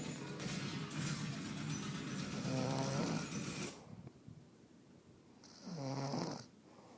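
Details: Woman who denies snoring recorded as proof: two loud, rough, buzzing snores with a quiet pause between, over faint room noise; snoring.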